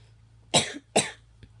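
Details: Two short, dry coughs close together, then a faint third sound, from a person who says they have the hiccups; cough.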